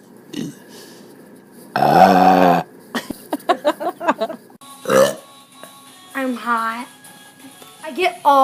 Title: The Great Burping Show- Volume 9